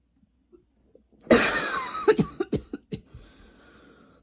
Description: coughing NONSTOP in this video, seriously i don't remember what it's like to NOT have long coughing spells, don't know why my throat still has a tickle